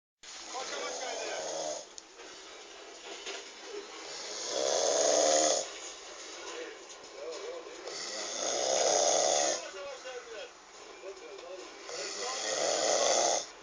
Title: Seer who snores